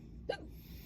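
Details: Isolated hiccup from a passenger in the back of a moving vehicle: a single short, sharp voiced hiccup over steady low road and engine rumble.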